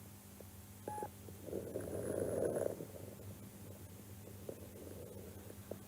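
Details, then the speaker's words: Breath sound swelling with fine crackling and a few sharp clicks over a steady low hum; inspiratory crackles (rales) of alveolar origin. "Algunos de estos sonidos patológicos crepitantes, sonidos inspiratorios de original violar."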